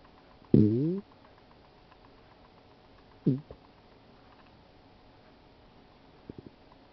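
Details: Two short gurgling rumbles, then a few faint clicks, against quiet background hiss; ordinary stomach rumbling.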